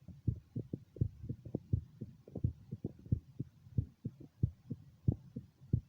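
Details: Own heart heard at the mitral area during an echocardiogram ultrasound: steady soft paired thumps at about 90 beats a minute with a faint hum. Normal heart sounds.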